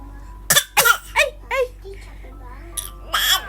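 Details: Baby's dramatic cough; cough.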